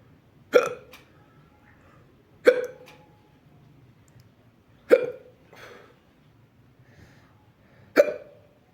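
Four sharp, abrupt hiccup sounds about two to three seconds apart, each a brief gulping click, in a quiet room.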